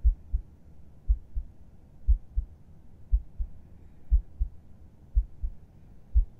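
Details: Adult's heartbeat heard with a listener's head resting on their chest, at rest at bedtime: steady, calm lub-dub beats at about 58 a minute with faint background hiss; normal resting heartbeat.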